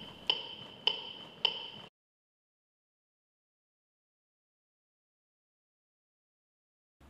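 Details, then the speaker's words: Defibrillator (AED) voice prompt and metronome beeps pacing chest compressions during CPR training: AED metronome beeps for chest compressions. "χορηγήστε θωρακικές συμπιέσεις στο ρυθμό του ηχητικού σήματος"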